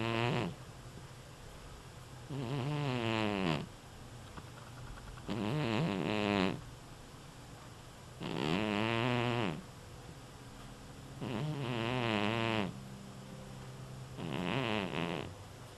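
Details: Snoring: five loud, rattling snores on breathing in, about 20 a minute, in a steady rhythm with quiet breathing between them.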